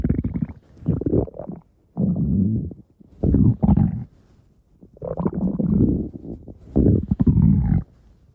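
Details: Loud, low gurgling rumbles in several long bouts with short quiet gaps; stomach growling (borborygmi).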